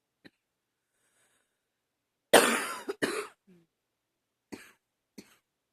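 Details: Barking cough in a person who woke this morning coughing and wheezing, attributed to allergies.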